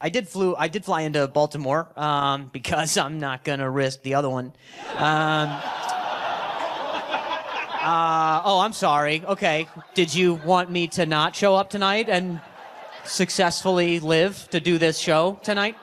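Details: Adult male comedian with stuttering, performing live stand-up; he says hearing noises in his ear while he talks makes him stutter.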